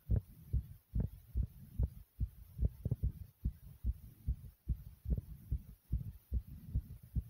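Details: Own heartbeat recorded while racing, then slowing to normal pace: fast, steady, muffled thumps with a low hum underneath.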